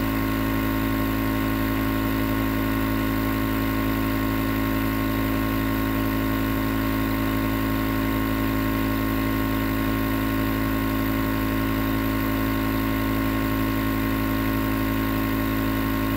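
Steady mechanical hum with a constant low buzz and hiss, the continuous running sound of a nebulizer compressor.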